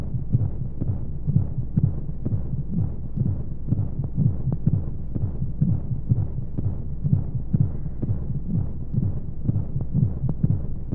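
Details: Womb sound sleep aid for babies: steady, soft low thumps at about 125 a minute over a muffled whooshing hum, monotone flow noise and white noise, like a heartbeat from inside the womb; heartbeat.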